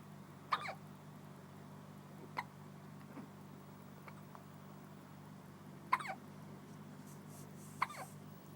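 Four short, sharp hiccup sounds a few seconds apart over a steady low room hum; typical infant hiccups.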